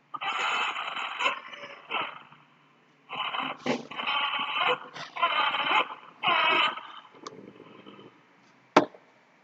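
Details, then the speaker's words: Newborn with respiratory distress, shown in a neonatal resuscitation teaching session: repeated short, harsh, voiced grunts with each breath out, from spontaneous airway closure (auto-PEEP), separated by quiet pauses: neonatal expiratory grunting. "Como ustedes pudieron observar, el sonido es bastante característico en realidad. Cuando la vía aérea, como les mencioné previamente, se cierra, produce este sonidito bastante peculiar que es lo que nosotros denominamos como el auto-PEP."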